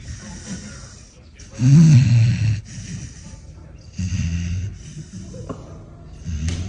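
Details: Sleeping pit bull puppy lying nose up with mouth open, snoring a little: low, rumbling snorts on breathing in, repeating a few times; ordinary snoring.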